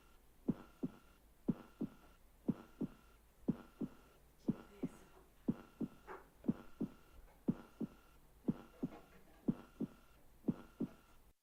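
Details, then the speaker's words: Regular heartbeat at about 60 a minute with paired sounds and a faint swishing between them: an example of a heart murmur. "here's an example of a normal heartbeat and here is an example of a heartbeat with a heart murmur"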